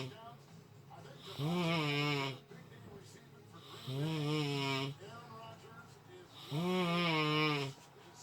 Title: This ninja be snoring